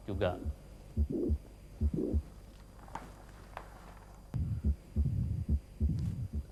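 Two regular heart cycles near 70 a minute, a soft murmur filling late systole before the second sound, then a pause and faint talk: late systolic murmur.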